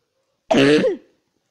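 A single short, voiced cough or throat-clear from a child, in a quiet room.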